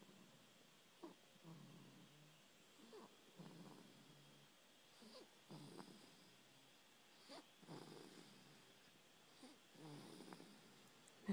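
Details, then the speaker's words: 5-week-old infant snoring lightly while asleep after nursing: soft, rhythmic, snuffly breaths about one every two seconds. "just snoring away. He's in a little milk coma after nursing, which I always think is so precious."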